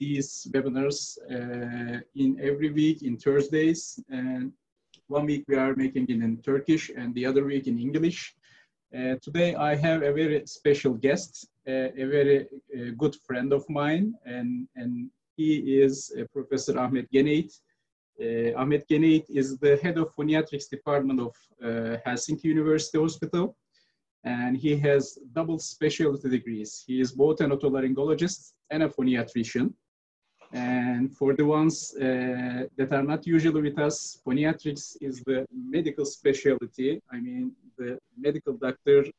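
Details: Adult male speaker; normal speech.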